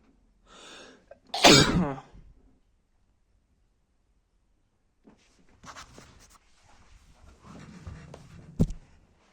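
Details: Stifled sneezes, probably male: a soft held breath, then one loud explosive sneeze, sniffing, and a smaller second sneeze burst, with a feeling of relief after releasing them.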